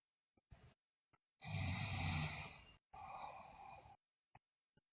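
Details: Sleeping girl, also grinding teeth (bruxism), loud rough snore on inspiration then softer expiration, with short interrupting sounds; snoring.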